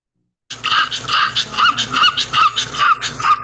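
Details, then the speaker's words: Stridor in a brachycephalic (flat-faced) dog: loud, harsh, high-pitched noisy breaths repeating rapidly, a continuous inspiratory sound easily heard even without a stethoscope, best auscultated over the trachea. "Estridor es un sonido continuo inspiratorio que es fácilmente apreciable, incluso sin estetoscopio."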